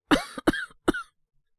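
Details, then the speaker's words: Simulated cough acted by a male voice actor playing a young man with a cold who wakes coughing at night: three harsh voiced cough bursts. "あ、起こしちゃいました。すいません。俺も、咳込んで起きたんですけど。大丈夫ですって。"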